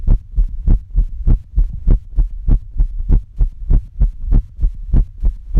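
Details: Heartbeat of a woman whose boyfriend thinks it sometimes sounds abnormal, recorded with a phone app; steady, regular lub-dub at about 100 beats a minute with no obvious irregularity.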